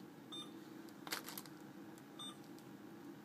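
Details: Two short high beeps with a faint click between, from a PCA pump acknowledging the syringe selection as the nurse programs it; normal device feedback.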